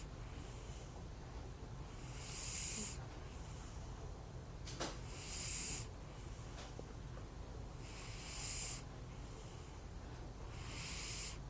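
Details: Pet cat snoring while asleep: soft, hissy snores with each breath, about 20 a minute, over quiet room noise.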